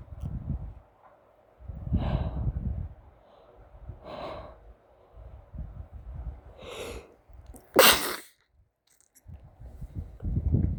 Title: sneezing